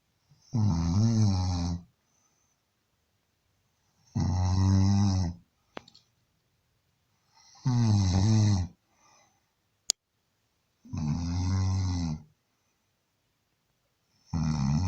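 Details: Man snoring, said to go on like this all night and likened to a locomotive: loud, rhythmic snoring with a low, rattling rumble on each in-breath, about 17 breaths a minute.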